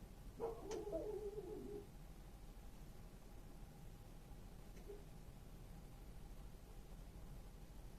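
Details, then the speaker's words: Stethoscope diaphragm on the abdomen during a nurse practitioner's abdominal exam of a consenting woman: brief gurgling rumble over quiet hiss, then a faint second gurgle; normal active bowel sounds, present in all four quadrants. "so okay so vowel sounds were normal active in all four quadrants of the abdomen"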